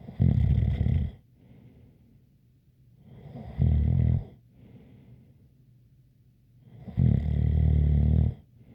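Deep, rattling snores on the breath in, with a faint whistle, about three breaths in nine seconds, roughly 20 a minute.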